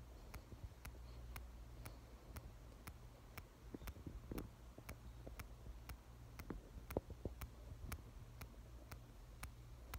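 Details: On-X mechanical aortic heart valve after open heart surgery in August 2021: sharp, crisp closing clicks about twice a second in a quiet room, audible to the patient and to others.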